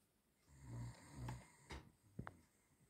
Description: We caught our Cavalier Mutu snoring this evening. He must have been very tired after his run in the gardes and felt asleep very deeply as he started snoring.